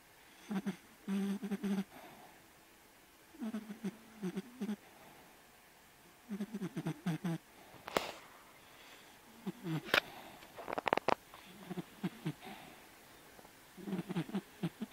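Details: Small dog asleep and snoring lightly: short runs of soft, rattling, buzzy breath noises separated by pauses in a quiet room.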